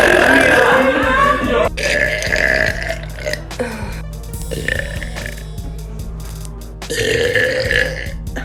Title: Girl Burps